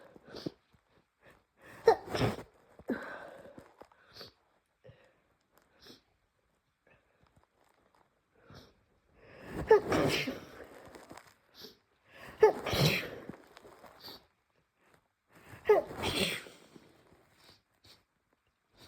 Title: Sneezing and nose blowing, developing cold or flu